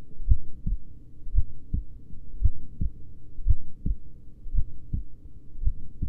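Deep, soft double thumps repeating slowly, about 50 to 55 beats a minute: a slow heartbeat.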